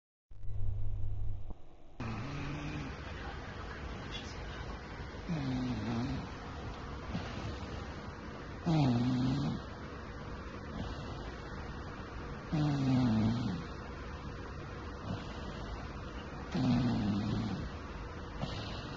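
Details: Snoring recorded in the Philippines: low, rumbling snores at about 15 a minute over steady room noise.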